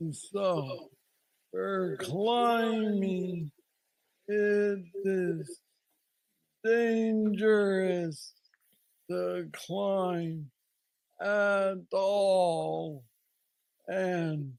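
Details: Adult man with Parkinson's disease diagnosed at age 35, about nine years ago, a form he calls the most aggressive he knows, treated with an implanted brain neurostimulator; hypokinetic dysarthria.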